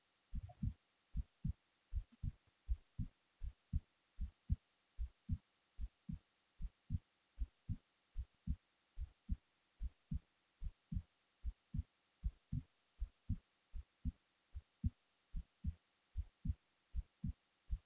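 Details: Heartbeat recorded while falling asleep: steady, regular low double thumps at about 76 beats a minute, quiet and clean; normal resting heart sounds.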